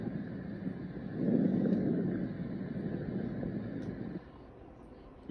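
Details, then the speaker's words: Soft, low-pitched rustling breath sounds, inspiration longer than expiration, heard on the posterior chest over the peripheral lung fields: normal vesicular breath sounds. "over peripheral lung fields from the clavicles to t9 you should hear vesicular sounds they are soft low-pitched rustling sounds that are longer on inspiration than exploration they sound like this"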